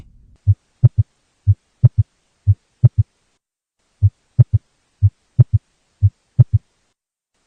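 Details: Simulated NCLEX audio clip: low, dull heartbeat at about 60 per minute, a faint extra thud soon after the second sound giving a three-beat gallop: third heart sound (S3).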